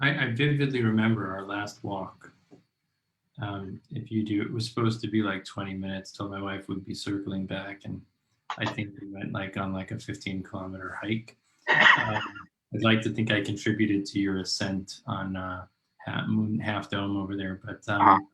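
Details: Adult man; typical speech.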